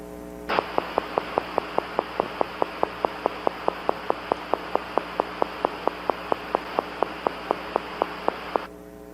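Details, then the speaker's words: Needle EMG teaching example: regular sharp clicks at about three to four per second over steady static, gradually slowing toward the end (regular with a linear change); fibrillation potentials. "so this this is regular it does gradually slow so it's not totally fixed it does gradually slow at the end so it's a linear change but it's regular"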